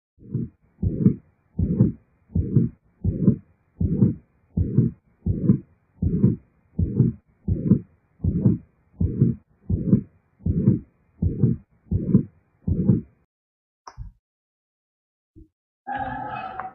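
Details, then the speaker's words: Mitral regurgitation murmur: regular low, drawn-out whooshing beats at about 80 a minute, with a weakened or absent first heart sound and a systolic murmur. "Ол кезде бізде бірінші тон әлсіреуі немесе мүлде болмауы, ал систолалық шу естіледі. Ол қандай шу? Ол былай естіледі."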